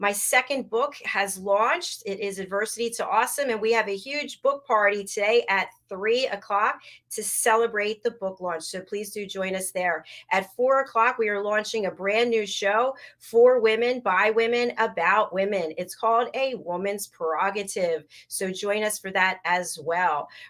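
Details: Adult woman speaking; normal voice.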